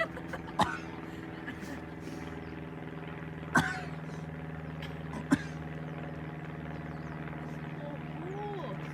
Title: coughing horse